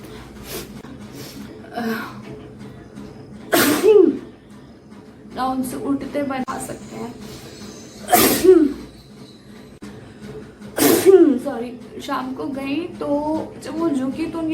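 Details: Three loud sneezes from a young Indian woman in a sneezing challenge, each a sharp explosive burst after a brief in-breath, separated by quieter breathing and voice sounds.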